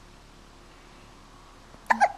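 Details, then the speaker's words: A four-week-old baby boy in a vibrating chair with hiccups: after quiet room noise, one sudden short voiced hiccup, then a brief follow-on sound. "here we are with Ty he's about a month old he's got the hiccups say hi what are you looking at"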